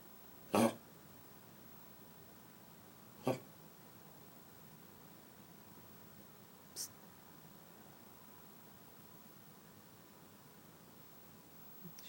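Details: Dog with kennel cough: three short, harsh cough bursts a few seconds apart in a quiet room; the owner notes the cough stops when she lies down and stops moving.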